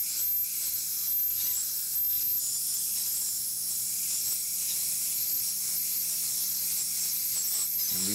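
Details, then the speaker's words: Ultrasonic dental scaler (about 25,000 cycles) demonstrated on a tooth root surface: a steady high-pitched hiss with a faint hum and water spray as the vibrating tip is moved up in a wiping motion against calculus. "the ultrasonic s or waves that this sets up will not actually shatter the calculus but you need to actually hit the calculus with the tip of the instrument in order to remove it"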